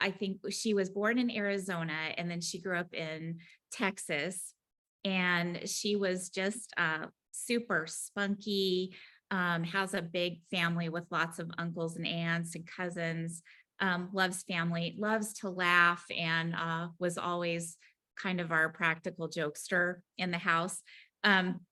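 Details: Adult woman speaking; normal speech.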